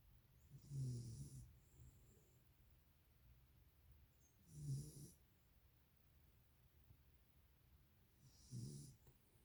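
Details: Soft, low snoring breaths with a slight snort, about 15 breaths a minute in a quiet room; a dog snoring in sleep.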